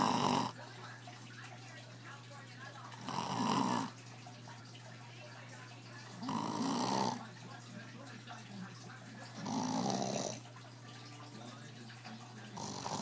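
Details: Sleeping person: loud rasping snores roughly every three seconds, about 18 a minute, over a steady low room hum; ordinary snoring.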